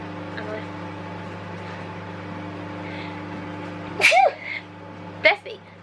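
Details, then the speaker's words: Woman sneezes, a sharp voiced burst with gasping release followed by a second brief burst, over a steady microwave hum; she announces "I'm gonna sneeze" beforehand. "I'm gonna sneeze."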